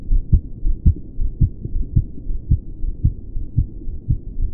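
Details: Male's older recording at the pulmonic area during pushes: heartbeat about 110 a minute with faint odd extra sounds between beats, especially after releasing each breath. He asks whether it is a murmur or a split.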